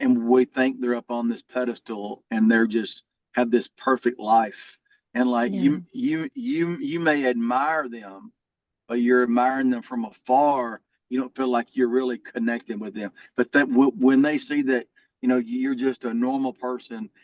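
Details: Adult man with a lifelong stutter that varies and was more severe in childhood; stuttering.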